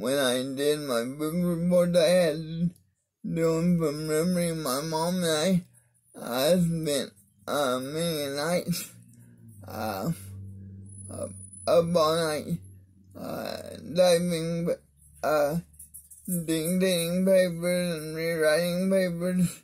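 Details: Mild dysarthria in an adult man with cerebral palsy of the spastic diplegia type, affecting his arms and legs; he attributes his different voice to it.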